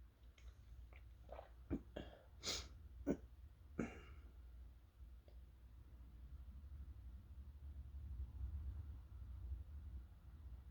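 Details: Sneezes triggered by toasting chili peppers, deliberately stifled because of sore throat: several short, muffled, held-back sneezes and breathy catches, then quiet room noise; stifled sneezing.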